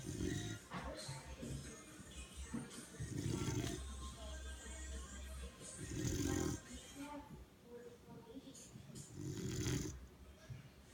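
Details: Puppy asleep and dreaming on a lap: low rough snores recurring about every three seconds over faint background music and TV sound; snoring during sleep.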